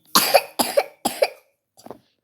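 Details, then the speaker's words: A child home sick from school coughs three loose, rattly bursts and a softer fourth: a wet, productive cough with phlegm, mild since Sunday and now getting worse. "Kali ini aku enggak sekolah soalnya sakit batuk berdahak kayak kemarin tuh."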